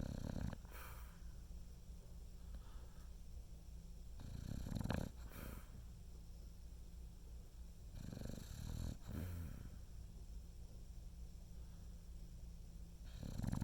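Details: Slow, rhythmic, low rattling snores on each breath, roughly every four seconds, about 15 a minute, with a soft whistle in between: snoring.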